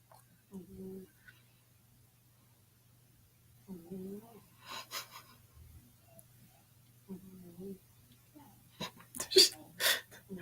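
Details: A cat's soft chirps are followed by several sharp, hissing nasal bursts, consistent with sneezing and a congested nose; the owner likens it to a cat snore and mentions a kitty nasal spray.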